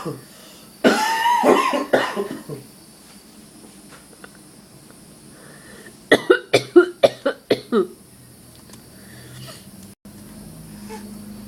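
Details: An adult deliberately fakes a cough: a throaty, voiced burst, then a quick string of about seven short coughs.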